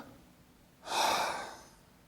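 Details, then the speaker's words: A single loud, harsh, hollow, higher-pitched breath imitated by mouth in a teaching demo, with all of expiration heard and a gap between inspiration and expiration. Bronchial breath sounds, abnormal over pneumonia or heart failure. "we hear all of expiration and we hear a higher pitched louder sound but there is a gap between inspiration and expiration that we don't have normally so it sounds like this"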